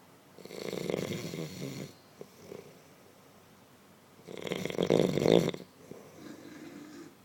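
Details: Adult man snoring asleep, recording stated not fake: two rough, fluttering snores on inhalation with quieter breathing between them.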